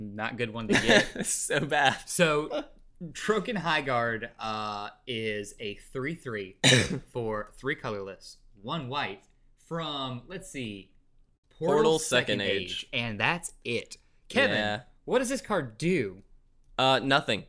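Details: Adult man; normal voice.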